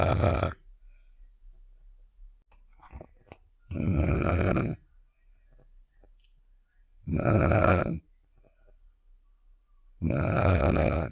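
Loud rough snores, about four in ten seconds with quiet gaps between, from a cartoon sound effect.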